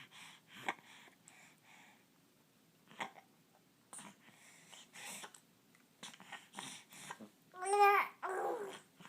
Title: Mean ol hiccups